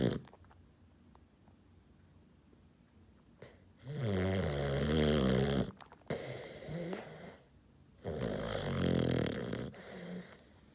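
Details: Loud rumbling snores on two inhalations with a quieter exhalation between, after a quiet start, from a sleeping female dog about 6 months old; ordinary snoring.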